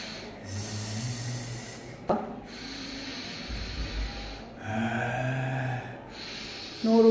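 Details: Unilateral vocal cord palsy (described as excised), recorded performing voice tasks before speech therapy; breathy voice (unilateral vocal cord palsy).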